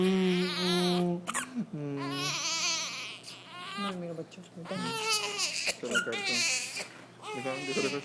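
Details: Infant girl who has been hiccuping, now crying in repeated tonal wails with short catches between them, in a small room.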